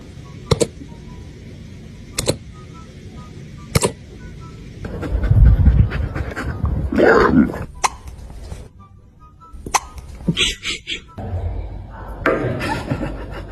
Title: Cute Puppies Hiccups ☺..... 🐾 #puppies #dogs #cyno🐾 #dog_oos